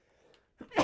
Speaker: I actually got my sneeze off.